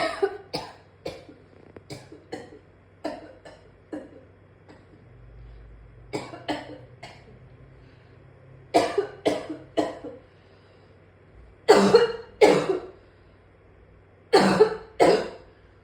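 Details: Severe coughing fit in an adult that led to vomiting: about twenty harsh coughs in repeated rapid clusters, growing louder toward the end.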